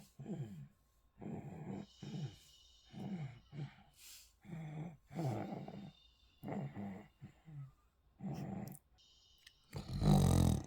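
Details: Baby being put to sleep in a baby carrier during the last nap: loud, rattling snores repeating about every second, with quiet gaps; snoring.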